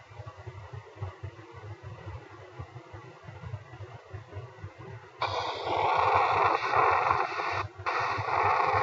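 Harsh, scratchy grating noise over the chest, typical of a pleural friction rub from inflamed pleura.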